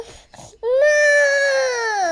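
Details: Young child crying: a few soft whimpers, then one loud, sustained, high-pitched cry.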